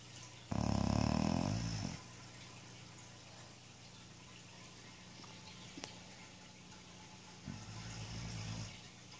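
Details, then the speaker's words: Sleeping Boxer dog snoring: two long, loud, rumbling snores separated by quiet breathing, with a low steady hum in the background. "You're a lazy dog. Lazy snoring puppy."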